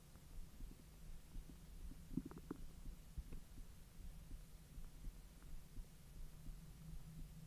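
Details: Bowel sounds recorded after eating hotdogs following 10 hours with a completely empty stomach: low gurgling and rumbling with a few brief higher squeaks over a steady hum.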